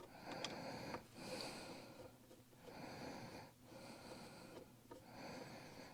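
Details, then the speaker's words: Man working on a car steering wheel during sinus season, saying his sinuses are among the worst: heavy, slightly whistling nasal breaths over several cycles in a quiet room; noisy breathing through congested sinuses. "Oh, I hate sinus season. It's always... My sinuses are one of the worst in the world. I know everybody doesn't like the heavy breathing, but at least I'm breathing."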